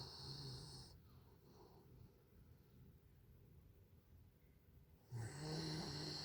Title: my dog is snoring